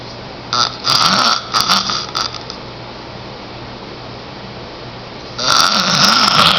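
Loud, harsh snoring bursts with a long quiet gap between them, in a small room: snoring.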